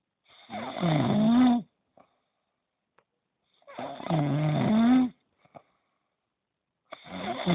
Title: El negro roncando ¬¬